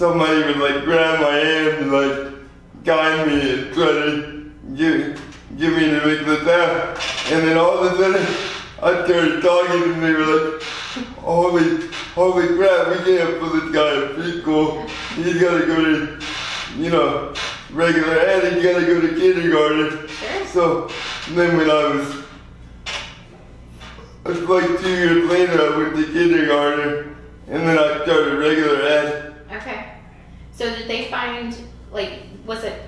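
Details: 24-year-old man with lifelong spastic quadriplegic cerebral palsy following premature birth at 2 lb 4 oz; dysarthria.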